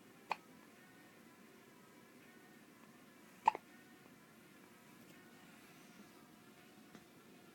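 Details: Baby with hiccups: two sharp, sudden hiccup sounds about three seconds apart, with fainter ones after, over low room noise.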